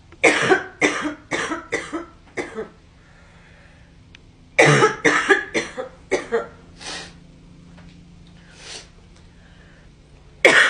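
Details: Coughing from a girl: two bouts of rapid, harsh coughs, about five each, then a throat clear and a final single cough.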